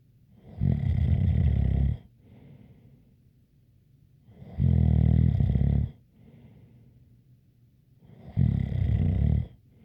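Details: ASMR snoring recording: three steady, low, rumbling snores about four seconds apart, around 15 breaths a minute, with a faint whistle and soft exhalations between; snoring with a light whistle.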